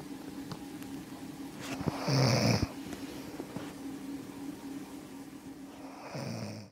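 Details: Woman found snoring, caught by boyfriend: a single loud rough snore over steady background hum, fainter second one at the end.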